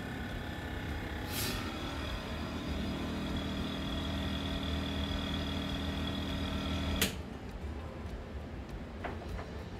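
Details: Portable suction therapy machine running during a demonstration of pressure adjustment with kinked tubing and the control dial: a steady low motor hum, with a click and a change in tone partway through.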